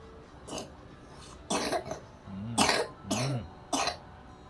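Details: Toddler getting routine wellness massage since age 3 months, with complaints of cough and poor appetite: about five short, harsh coughs and throat-clearing sounds, some with a voiced tail.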